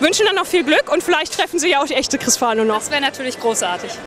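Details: Adult woman speaking German; ordinary speech.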